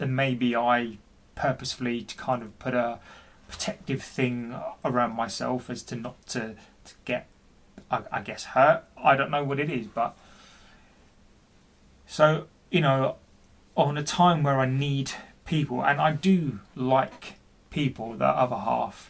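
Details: Adult man, 40, who stammers and reports intense depression for which he has seen his GP; speech with repetitions; stuttering.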